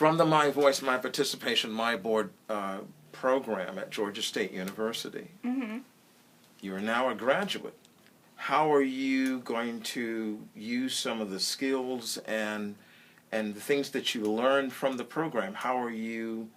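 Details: Adult male speaker; typical speech.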